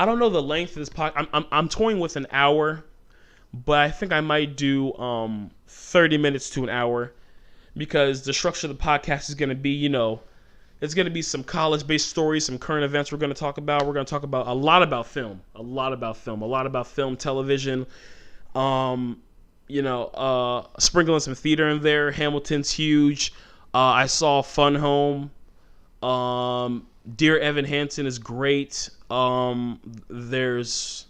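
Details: Adult male host with stuttering since childhood; it shows when he talks fast or gets passionate, and he tries to keep it under control by talking slowly.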